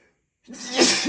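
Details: A brief rising, muffled burst of air held back through the closed mouth or nose; a man stifling a strong sneeze during allergy flare-up sneezing.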